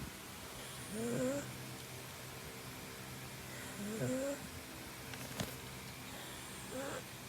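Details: A pug sleeping while sitting up makes soft, rattling, rising snorts about every three seconds against room noise: snoring of a flat-faced dog.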